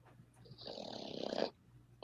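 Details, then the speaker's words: A single long, rough, rattling inward breath about a second long, heard faintly through headphones against quiet room noise from an unidentified source; snoring. "okay I hear snoring not me I know but I hear it not me not me I'm confused why is there snoring question because I heard it"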